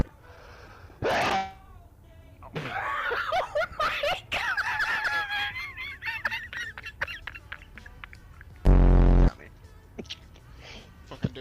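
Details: A sharp sneeze-like burst followed by loud laughter, excited voices and a loud buzzing blast, with background music; a person sneezing.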